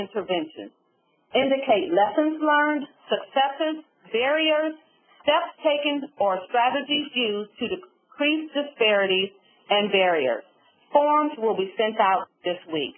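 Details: Adult woman; typical speech.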